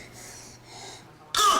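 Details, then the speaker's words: At night, a single loud, harsh, high-pitched, piercing cough in quiet room noise from a baby girl with breathing difficulties, seen by a pediatrician, who diagnoses croup (upper airway swelling): croup cough. "so has you been coughing yeah like a really loud kind of piercing"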